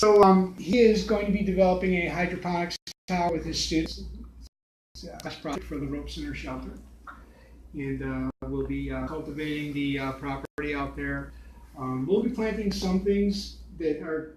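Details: Man with aphasia after a stroke nine years earlier, with complete right-sided weakness, speaking; post-stroke aphasia.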